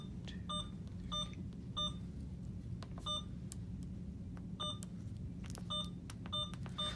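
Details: Short, high electronic beeps, one per key press, in an irregular sequence over a low room hum: an Alaris IV infusion pump in a nursing school lab being programmed with a patient account number.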